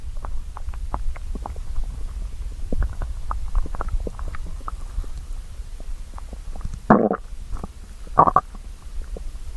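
Low rumbling with scattered gurgles and two louder squelching growls; normal hunger stomach growling.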